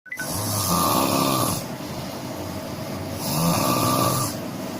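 Two long, harsh, rattling snores on breathing in, over steady room noise.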